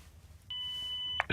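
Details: Steady high electronic beep under a second, then a click, from a ZOLL AED Plus training defibrillator as the advised shock is delivered, before CPR resumes.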